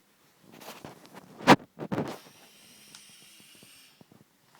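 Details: Sleeping Northern Inuit dog snoring: a few rough, snorting breath sounds, one sharply louder, with faint room noise after, as other dogs wonder what is happening.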